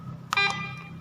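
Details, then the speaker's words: Brief electronic beep as a keypad button is pressed on a Hawkmed Hawk i1 infusion pump, with the keypad sound setting enabled during a product demonstration. "Jadi kalau Jin aktifkan ya akan bunyi tiap kitab pencet keypad-nya seperti itu"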